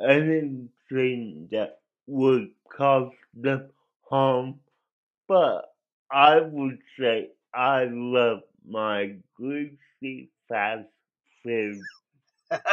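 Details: Dysarthria in an adult male with cerebral palsy, which he believes was likely caused by an overdose of a particular drug; the condition affected his voice.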